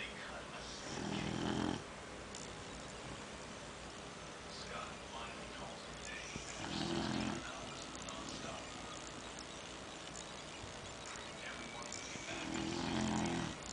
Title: Beagle Sforaie (Beagle snoring)